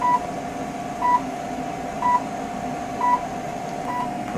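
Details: Short regular electronic beeps about once a second over a steady hum from a therapeutic bio-stimulation laser unit timing treatment of plantar fasciitis on the lower leg and foot, patient slowly moving the foot back and forth.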